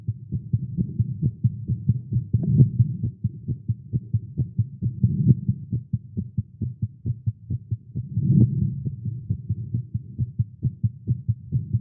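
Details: Male heartbeat recorded during exercise with caffeine, tagged irregular heartbeat: rapid, steady low thumping at about 130 beats per minute; fast heartbeat (tachycardia).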